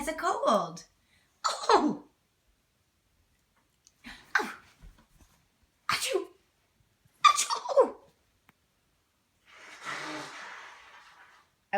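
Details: Pomeranian dog that sneezes whenever excited, here before a walk (owner wonders if cold or excitement): about five short, forceful nasal sneezes in a quiet room, ending with a breathy snort; repeated sneezing.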